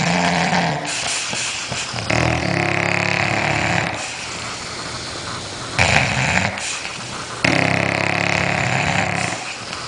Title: Two snoring bulldogs